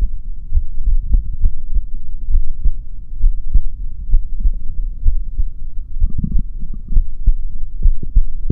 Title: my heartbeat sound